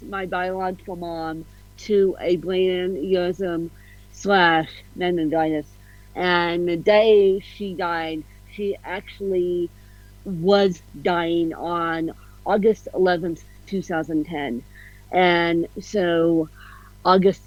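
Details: Adult woman with cerebral palsy, officially diagnosed at 31 as ataxic cerebral palsy (described as a mixed type, also called ataxic-spastic); slight speech impediment; ataxic dysarthria.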